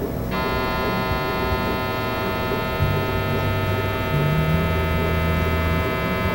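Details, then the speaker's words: Loud, steady droning hum with layered buzzing tones and shifting low pulses from an MRI scanner during a brain scan, recorded from behind a protective shield in another room. "they give you earplugs and protective earmuffs because the noise this thing makes is intense I didn't really mind it that much it kind of reminded me of hardcore electronic music"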